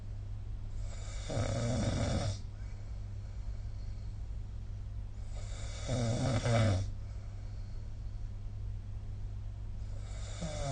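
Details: Snoring recorded with the SnoreLab app: low, rumbling snores with quiet pauses between them over a steady room hum.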